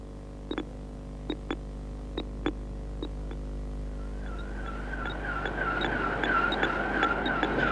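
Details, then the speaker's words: Heart-rate monitor beeps from two people, a woman and a man, sitting at rest: both heartbeats are slow because they are doing nothing. "are having their heartbeats monitored so that you can see and hear them. That's at the top and is at the bottom. You can see that both their hearts are beating quite slowly because they're both sitting doing nothing."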